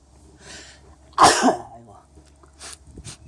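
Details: An adult father gives a soft inward breath, then one loud explosive sneeze with a trailing voiced tail, followed by quiet breathing in a small room.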